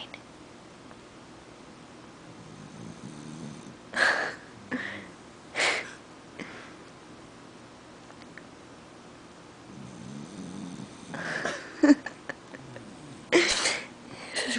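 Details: Sleeping puggle, deeply asleep with eyes open: soft, low rumbling snores broken by brief snorting and sniffing bursts.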